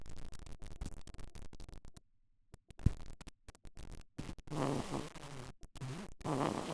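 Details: Sleeping baby boy snoring: after microphone handling noise, two low, fluttering, rattly snores while breathing in; infant snoring.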